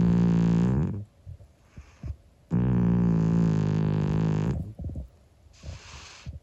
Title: Cat snoring loudly, 25 year old sleeping cat